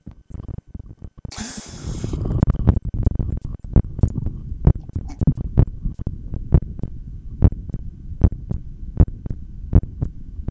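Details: Regular heartbeat thumps at roughly 80 a minute, heard through a stethoscope during a voluntary breath-hold after a brief rustle.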